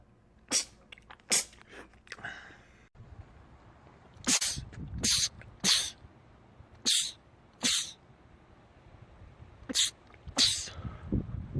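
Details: Male sneezing compilation clip: about a dozen sharp, explosive sneezes in quick succession, some with a brief in-breath before, a rapid sneezing fit.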